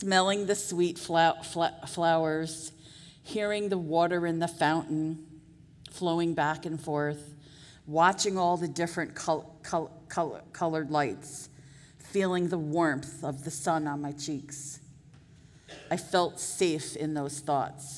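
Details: Adult woman with real stuttering speaking at a 2023 stuttering association conference keynote; audible part-word repetitions; stuttering.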